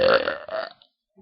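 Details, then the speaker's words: A girl burps loudly on request: one long, loud, drawn-out burp that fades into quiet; voluntary belch of swallowed air. "So, we're making a burping video, right? No, I can't burp, but she can."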